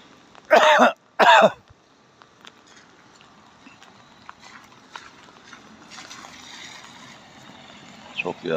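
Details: An adult man gives two deliberate, forceful voluntary coughs outdoors in heavy rain, trying to call a cat to him, with steady rain and faint outdoor noise.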